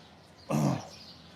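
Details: Throat clearing heard during a live sport horse chiropractic session, before a horse is checked in neck extension: a single short, harsh throat-clearing burst, like a brief cough.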